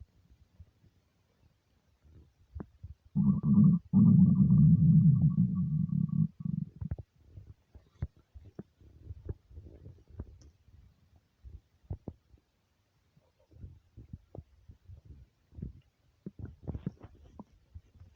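A loud, low, drawn-out gurgling growl, then scattered softer gurgles and pops: hunger rumbling of an empty stomach.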